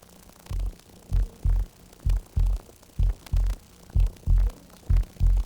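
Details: Brachial artery pulse heard through a stethoscope at the crook of the elbow, with an inflatable cuff on the upper arm, during a self blood pressure measurement demo: regular low thumps about 64 per minute with a faint hum.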